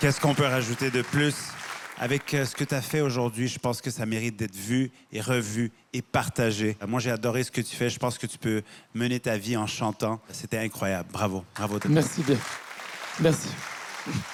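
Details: Adult male speaker (talent show judge); Ordinary speech.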